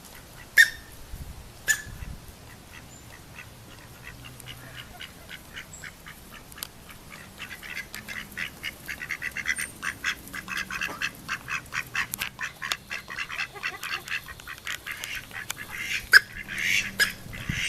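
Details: Female mallard gives about three short, sharp cough-like bursts over rustling leaves; cough for two days, not while nesting, after nesting in possibly moldy leaves; owner suspects aspergillosis or something stuck in her throat.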